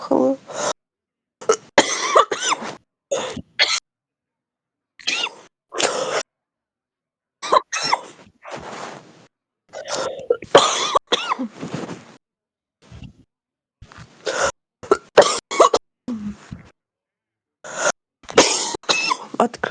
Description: 11 minutes of real heavy smoker's cough. Deep, chesty and intense coughing